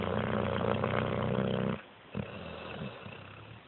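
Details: Snoring: a long, rough, rattling snore, then a pause and a softer snuffling breath.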